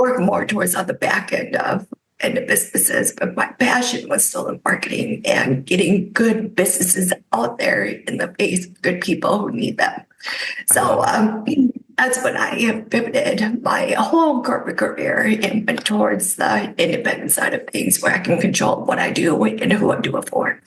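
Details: Adult woman with spasmodic dysphonia caused by neck trauma about 5 years ago, unable to speak for about 2 years, treated with neck Botox injections that help but do not cure; spasmodic dysphonia.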